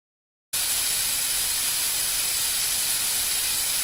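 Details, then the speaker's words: Sudden steady loud hiss of a dental air syringe drying the teeth before bonding agent and brackets are applied for braces, in an interactive dental procedure demonstration. "let's spray some air to get the teeth nice and dry can you handle that for me"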